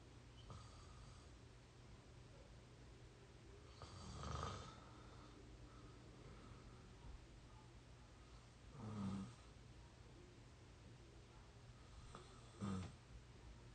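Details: Real snoring from an exhausted 22-year-old: three rough snoring breaths over about 14 seconds against a faint room hum; snoring.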